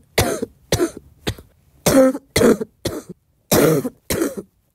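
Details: Eight loud coughs in close succession, several bubbly and rattling like loose mucus in the airways; a girl's wet cough.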